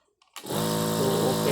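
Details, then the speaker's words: Switch click, then a steady, smooth motor hum from a nebulizer compressor running after repair; before the repair it sounded abnormal with rattling inside. "Ito po ang tick out. Ito hose na to."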